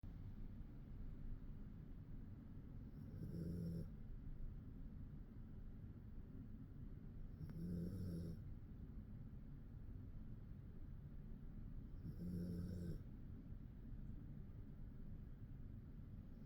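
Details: Male dog, about ten years old, snoring while asleep: soft, low snores roughly every four to five seconds, about 13 a minute, over a steady low hum.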